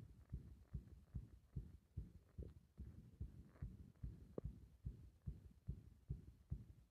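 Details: Heart sounds recorded with compression, becoming irregular on breath-holding: muffled low thuds at about 70–75 beats a minute with slightly uneven spacing.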